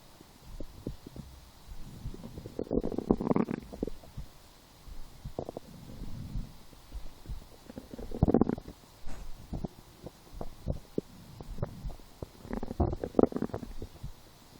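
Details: Bowel sounds (borborygmi) in a person lying down and hungry after skipping breakfast, a small lunch, then two doughnuts four hours later: irregular low gurgles and rumbles with quiet gaps, stomach growling.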